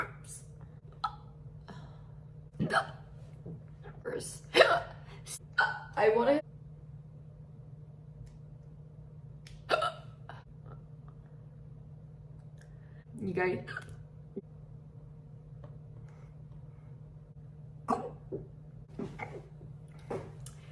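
Several abrupt, voiced hiccup sounds at irregular intervals, with a low steady hum in the background.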